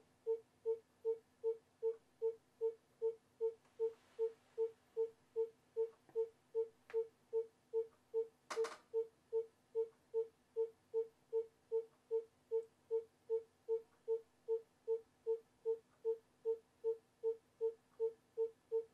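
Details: Simulated obstetric fetal heart monitoring in a training scenario: steady, regular pulsing fetal heart tones on the monitor at about 150 per minute, within the normal fetal range.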